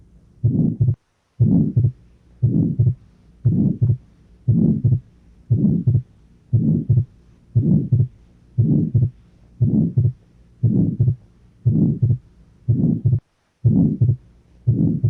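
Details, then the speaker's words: Regular heart sounds near 58 per minute with a midsystolic murmur and a split second sound, from a teaching recording: atrial septal defect murmur, where the murmur appears at older ages and the split alone is typical in babies. "Un soplo mesosistólico asociado con un desdoblamiento del segundo ruido. ¿En qué tipo de paciente estaría pensar en una comunicación interauricular?"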